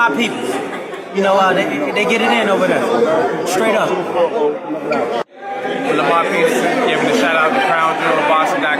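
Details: Adult man speaking; normal speech.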